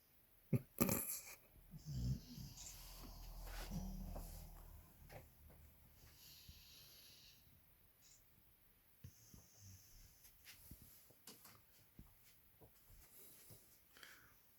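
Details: A sleeping pit bull dog snoring: soft, irregular snuffling breaths with a few louder snorts early on.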